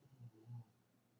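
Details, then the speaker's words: Two short, low rumbling breath sounds in a quiet room from a sleeping woman described as tired: ordinary snoring. "did you hear that snore she's tired did you hear that she got why she sister snore louder than me"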